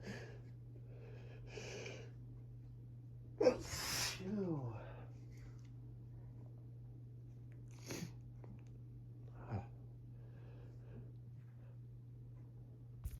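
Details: Allergic sneezing fit from grass pollen on waking around 6am. A rapid-fire run of sneezes starting soft and getting stronger and wetter, one loud and wet with a drawn-out breath after, over room hum.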